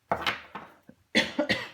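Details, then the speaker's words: Adult coughing while speaking: two quick runs of sharp, harsh coughs, about five or six bursts in all. "je sais que c'est pénible à écouter hein quand quelqu'un tousse tout ça"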